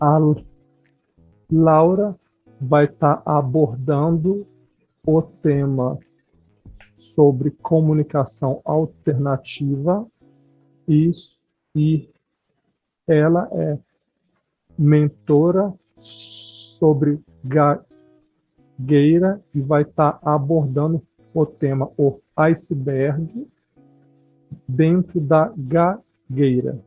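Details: Adult speaker; no disorder.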